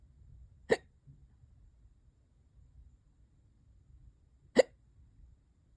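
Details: Person with hiccups for hours, worsening: two sharp, sudden hiccups about four seconds apart in a quiet room.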